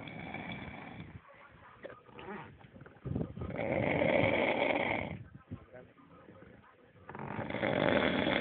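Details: Loud, harsh snoring in long rattling breaths about every three seconds, with people talking in between.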